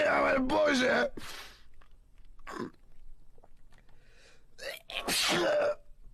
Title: slav dude cant stop sneezing (achoo achoo achoo o boze)